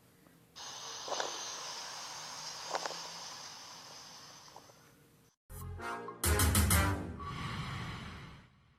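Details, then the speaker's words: Egophony: voice transmitted through the chest with only some, mainly higher, tones, giving an intermittent nasal, bleating, goat-like sound. "egofonía es la posibilidad de distinguir la transmisión de la voz al pronunciar las palabras pero con una alteración de modo que se transmiten solo algunos tonos de preferencia a los más altos y lo que se termina ult son sonidos intermitentes como el valido de una [Música] [Música] cabra"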